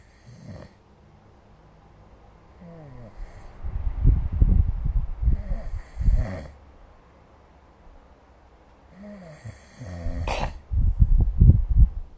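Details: Snoring during sleep recorded with the SnoreLab app: loud, low rattling inspiratory snores with snorts and quieter breaths between, in a quiet room.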